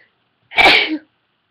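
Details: Adult female, induced sneezing: a single forceful, hissing sneeze burst about half a second long; sneeze.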